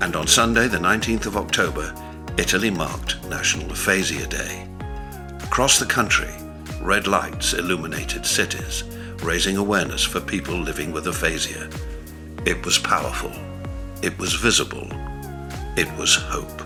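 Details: Adult male narrator; normal fluent speech.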